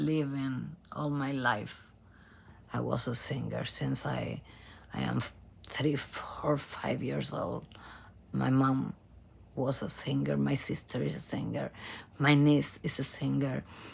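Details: Adult female professional singer from Argentina with abductor spasmodic dysphonia, in which spasms of the vocal cord muscles open the cords. Onset was in 2015 and it has been worsening; repeated Botox injections.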